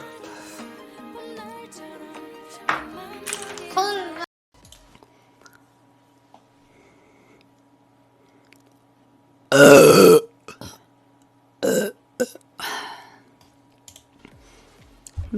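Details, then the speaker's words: Music fades, then one long, loud belch followed by a few shorter burps from a Korean streamer; burping. "트럼이 오지게 나옵니다. 죄송합니다."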